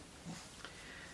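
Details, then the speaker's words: Pet pug snorting and sniffing in the background: a short, quiet nasal sniff-snort against faint room noise. "so that's what you always hear puffle and around in the background and snortin and snoring and making all the noises muffins our pug"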